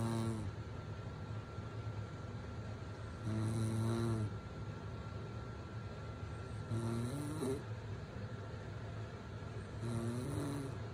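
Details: Rough, buzzing adult snoring from the mother, about four snores in ten seconds at irregular intervals over steady room noise, while her baby sleeps through it.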